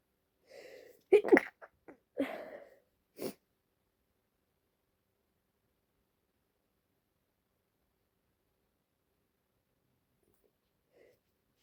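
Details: Sneezing by a female lying in bed, feeling unwell, possibly getting a cold: short burst with a quick intake and explosive expulsions, then a long quiet stretch.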